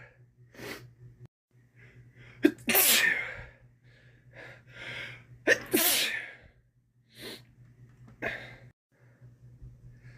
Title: Sneezing after swimming